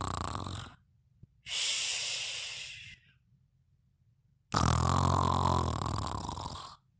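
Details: Snoring during sleep: loud rough breaths, a hissing inhale followed by a deep rattling snore, about two cycles in seven seconds.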